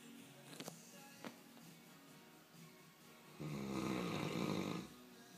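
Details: Snoring Greater Swiss Mountain Dog: quiet room with faint clicks, then a single rumbling, fluttering snore lasting over a second.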